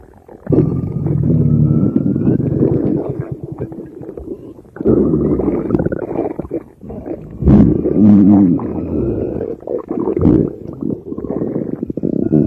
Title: empty stomach growling